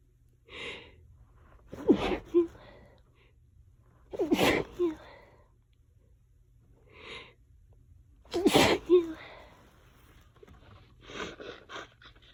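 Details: Three forceful sneezes, each preceded by a sharp inward breath, then softer breathy sounds, during a nonstop allergy sneezing fit lasting about 20 minutes.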